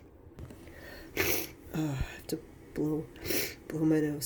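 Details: Flu-like cold: two forceful sneeze bursts, each followed by a short voiced exclamation, in a small room, with need to blow nose; sneezing.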